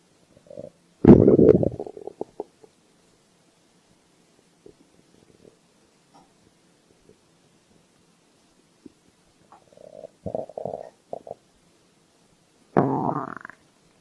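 Gurgling, rumbling bursts from the belly, three clusters separated by quiet stretches; ordinary hunger-related stomach growling.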